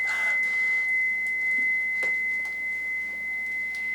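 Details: Simulated in-hospital cardiac arrest with a limited code team and surgical masks, COVID-19 precautions, during ACLS: steady high-pitched continuous tone of a defibrillator charging before a shock, with faint room noise.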